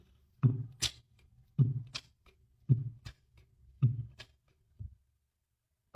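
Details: Heart sounds.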